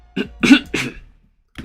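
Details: An adult live-streamer playing a video game gives a short run of about three quick, harsh cough bursts, then a pause. The streamer had just asked whether they sounded like they were wheezing. Ordinary cough.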